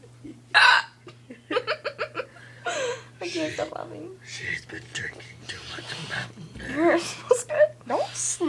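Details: Person with hiccups while someone tries to get rid of them by scaring them: speech broken by abrupt, sharp voiced gulps about every second over a steady background hum; hiccups.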